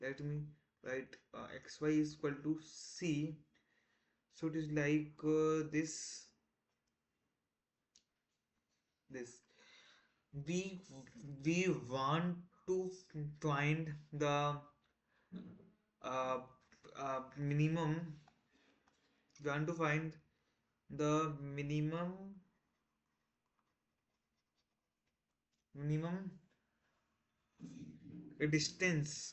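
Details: Man who identifies as a person who stammers, on day 1 of a self-set 30-day stop-stammering challenge, trying not to stammer: stuttering with audible repetitions and fillers.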